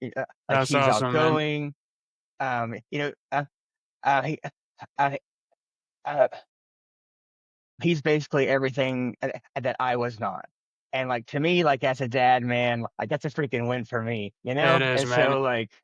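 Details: Adult man who has stuttered since childhood, speaking in an interview; stuttering.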